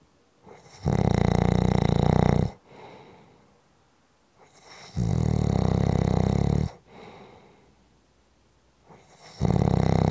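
Loud, rough snores on each in-breath, about every four seconds (roughly 14 breaths a minute), with quiet out-breaths between.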